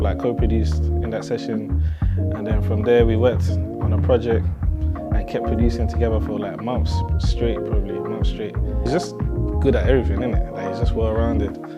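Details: Adult male speaker; normal speech.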